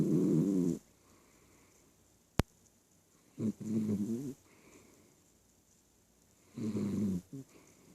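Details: Snoring during sleep: low, rattling snores repeating at irregular intervals with quiet pauses between.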